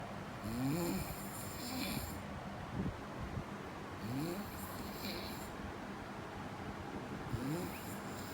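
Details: Light snoring: soft, rhythmic snoring sounds roughly every three to four seconds under steady background hiss.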